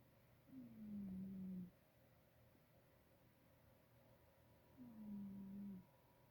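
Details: Sleeping cat, filmed from a distance to avoid waking her: two quiet, even, low snores about four seconds apart; ordinary snoring.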